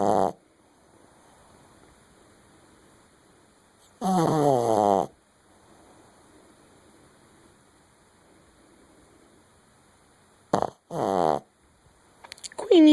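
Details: Dog snoring with her eyes open after waking up: a few loud, rattling, snore-like breaths in separate bursts with quiet between them.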